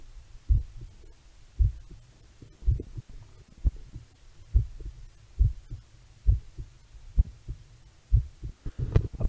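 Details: Steady, regular low heartbeat thumps at about 64 beats a minute, recorded through a DIY electronic stethoscope made from a classic analogue stethoscope and a lavalier microphone: normal heart sounds.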